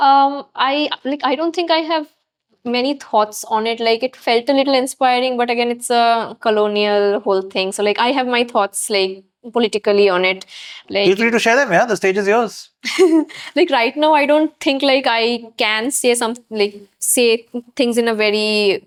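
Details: Adult woman who stutters, interviewed on a podcast; she says she gets stuck and very tired when speaking; stuttering.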